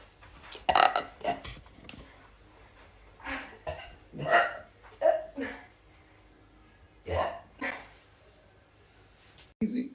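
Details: Girl burping: a run of short, gurgly throat bursts spaced a second or two apart with quiet gaps.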